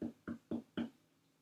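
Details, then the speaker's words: Abdominal percussion at the right upper quadrant of a non-distended abdomen with normal body mass index: four short, soft tapping thuds with quick decay, a dull percussion note as expected over the liver. "This sounds kind of dull. It's what I would expect over the liver."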